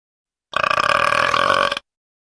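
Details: Girl burping after drinking root beer: one long, loud, voiced burp lasting just over a second, with a rough, rattling quality throughout; an ordinary belch.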